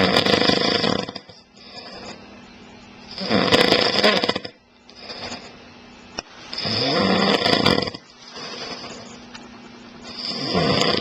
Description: husband snoring after first day on holiday.... caught by wife on videocamera